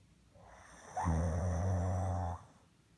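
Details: Snoring: a single loud, low, rattling snore on an inward breath, about 1.5 seconds long, in a quiet room.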